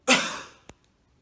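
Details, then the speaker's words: Physiotherapy coughing-technique demonstration, lying prone propped on elbows, breathing in with head back then coughing while throwing head toward the floor: one forceful, breathy voluntary cough, then a brief knock. "and then you're going to coffin stead of let out the air and when you do that I want you to throw your head down towards the floor"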